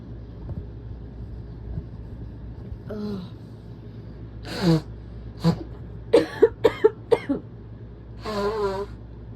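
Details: About seven coughs, including a rapid run of five harsh bursts, ending with throat clearing, over a low background rumble, from a sick person deliberately inducing strong sneezes; coughing.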